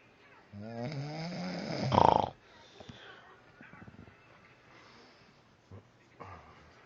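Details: Husband snoring during sleep: a loud, harsh, vibrating snore ending in a snort, then quiet breathing; heavy snoring.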